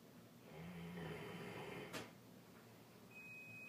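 A single long, rumbling snore on a breath in, then a sharp snort, against a quiet room background: snoring in a sleeping large dog.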